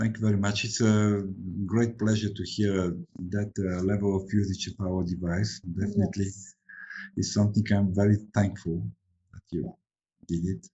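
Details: Adult male speaker; normal speech.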